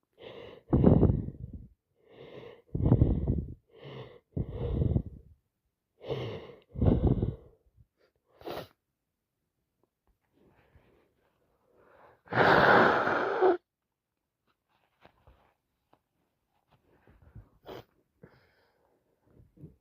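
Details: Sneezing bout with a nose full of cold plus sinusitis: run of short voiced build-up breaths, then one loud burst sneeze and quiet sniffing afterwards; can't stop sneezing, congested nose.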